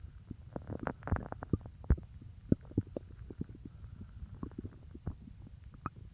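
Irregular gurgling and popping stomach rumbles, typical of normal active bowel sounds after eating.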